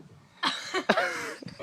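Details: Dog making abnormal noises: short harsh two-part throaty heaves, dry non-productive retching as if about to vomit, but nothing brought up.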